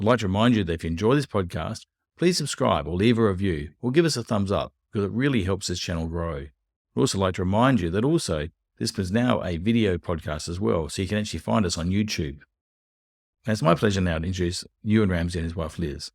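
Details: Adult male speaker; normal speech.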